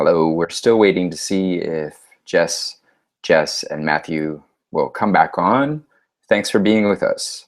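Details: Adult male speaker; normal speech.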